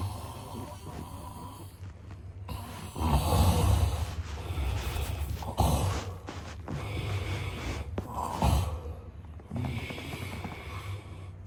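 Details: Snoring sound-effect recording of a man sleeping: irregular rattling, snorting heavy snores with steady low room hum behind.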